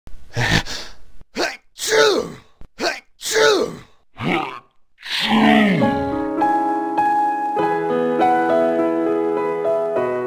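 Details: Several short, voiced, acted cartoon-style sneezes with falling pitch, then music takes over; simulated sneezing, not a real patient.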